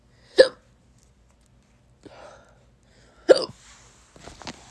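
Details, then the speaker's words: Young person, told by a doctor they would improve after puberty, with a fourth bout of hiccups today and upset: two sharp voiced hiccups about three seconds apart with faint breathing; hiccups. "you know this is the fourth time i've had hiccups today and i'm crying about it because it's not that fun"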